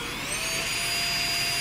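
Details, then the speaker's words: Saeyang Marathon N7 brush-type dental lab micromotor with SH37LN handpiece, speed set to about 45 on the dial: steady high-pitched whine rising in pitch as it speeds up. "so we set at 45 you can slowly adjust your money press down"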